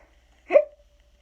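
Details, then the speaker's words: Simulated hiccup acted by an adult reading the children's book Skeleton Hiccups aloud: a single sharp voiced 'hic' sound, not a real hiccup. "Had the hiccups. Took a shower. Brushed his teeth."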